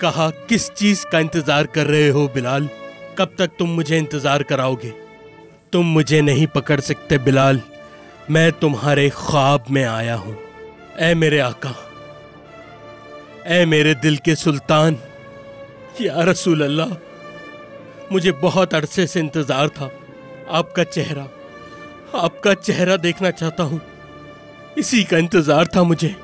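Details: Adult male voices, acted dialogue; typical speech.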